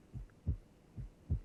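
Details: Heart sounds from a cardiac auscultation teaching programme: normal first and second heart sounds.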